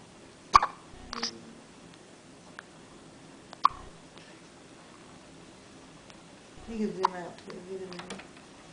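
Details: Two sharp, sudden hiccups several seconds apart, with brief speech near the end; hiccups.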